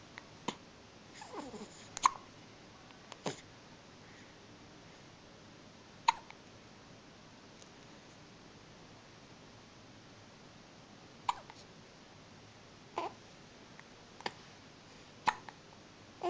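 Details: Hiccups in a newborn only a few days old, still in hospital: brief, sharp catches repeating irregularly, roughly fifteen a minute, in a quiet room.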